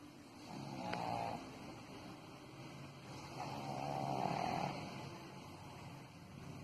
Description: My pug named Piku, is sleeping on my lap and snoring like an old man. I can't believe the noise he produce is from a 7 month old puppy.